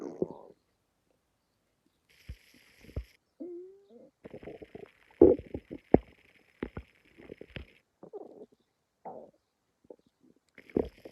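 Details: Stomach growling (borborygmi) in a person who feels something isn't right in the gut.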